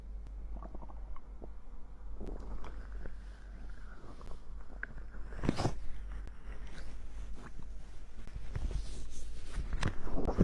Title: Stomach growl (drink cider)